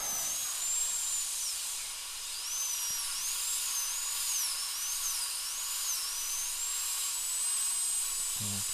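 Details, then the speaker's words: Steady high-pitched whine of a high-speed dental drill with 2 mm ball diamond bur, rising and falling in pitch, doing gross reduction across the palatal side of upper second molar (tooth #2) for a porcelain crown, rubber dam in place. "so it's a lot easier here to to prep uh this far back in the mouth with a ball Diamond"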